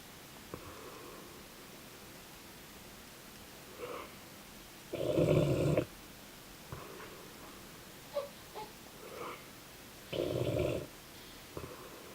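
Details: Dogue de Bordeaux (French Mastiff) dog snoring while asleep: two loud, rumbling snores about five seconds apart, roughly 12 breaths a minute, with softer snuffling breaths between.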